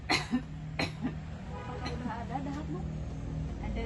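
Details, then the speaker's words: Simulated nursing practice of deep breathing, effective cough and postural drainage on a woman: after shoulder taps and deep breaths, two short, forceful acted coughs to bring up phlegm, then quiet voiced sounds; productive cough. "Nah, sekarang yang kedua, tarik napas, Bu. Keluarkan, batukan. Yang ketiga, tarik napas, Bu. Keluarkan, batukan."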